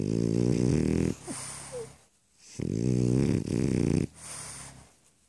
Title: Snore snore snore